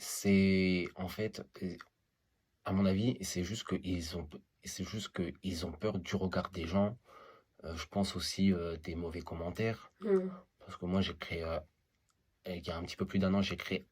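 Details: Adult male who stutters; stuttering.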